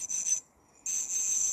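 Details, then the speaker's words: High-pitched hissing whine of an ultrasonic dental scaler with water on, run at medium power on a raw egg in a demonstration, stopping briefly and restarting; the sound changes as the power is raised. "들어보세요 중간 정도일때 소리입니다. 계속 하겠습니다 강도를 올리니 소리가 다릅니다."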